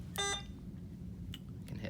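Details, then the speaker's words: Alaris IV infusion pump in a nursing school IV lab gives a short electronic reminder beep over quiet room noise while it waits on a screen for input; normal. "you'll notice the IV pump beeps periodically if you're waiting on a screen and not pressing any buttons that's just to remind you that it's waiting for you to properly input the information"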